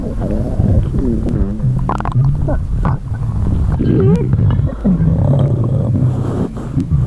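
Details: Empty stomach growling: loud, continuous low gurgling and rumbling with wavering tones.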